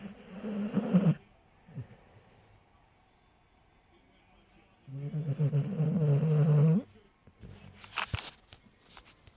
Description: Dog laying in bed snoring loudly